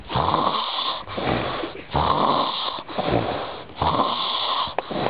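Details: Heavy snoring: loud, rough, rattling snores on repeated breaths, about 33 a minute, with almost no pause between them.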